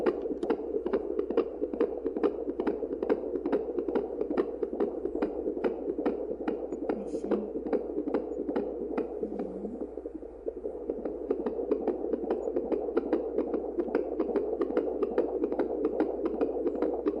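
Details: Rapid, steady fetal-style heartbeat at about 143 a minute over soft whooshing, a baby heartbeat sound effect rather than a real recording.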